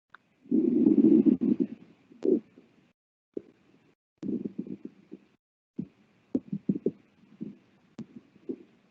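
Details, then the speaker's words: Horse's abdomen auscultated while she eats her dinner: frequent background gurgling and rumbling with an occasional breath, showing increased intestinal motility (borborygmi). "we've got just a bunch of background gurgling happening occasionally you'll hear her take a breath too so just gurgling along"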